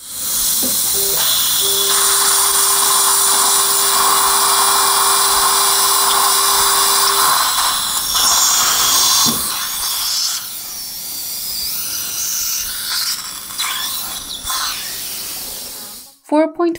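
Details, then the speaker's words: Guided dental implant surgery at upper tooth 16, 63-year-old male, poor bone quality: surgical drill's steady high-pitched whine for several seconds, then stopping. "by 10 millimeter drilling is done bone quality is not very good ps3 5.0 by 10 millimeter is going to be done and final drill is going to be done up to 4.5"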